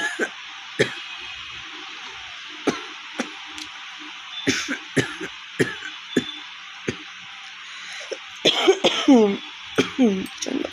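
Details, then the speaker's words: Real cough in a woman with a cold and one week of fever, hoarse throat, recorded in a shop: repeated short dry coughs and throat clearing, then harsher strained voiced coughs, quiet music behind. "কাশি হয়েছে বন্ধুরা, মানে গলা পুরো ফেটে গেছে, দেখতে পাচ্ছি।"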